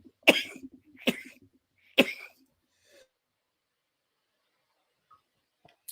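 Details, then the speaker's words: Three harsh cough bursts in quick succession, then quiet: an adult podcaster with a cold coughing into the microphone before he can hit mute. "put his tongue in his cheek and coughed that's what happened i went to hit the mute button but i was starting to cough already"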